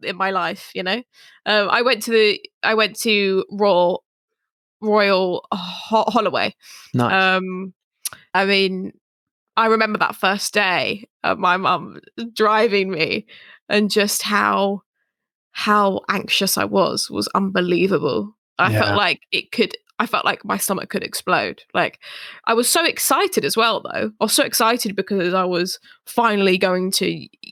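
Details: Adult woman who stammers, with repetitions and broken words; stammering.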